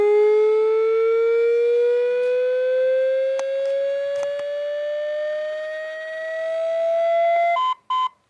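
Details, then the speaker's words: AED in a training/safety demonstration, after "shock advised": steady tone slowly rising in pitch, ending in two short beeps as the defibrillator charges before shocking. "Turn on the device and insert the key. And finally, listen to the instructions that the AED provides. Shock advised."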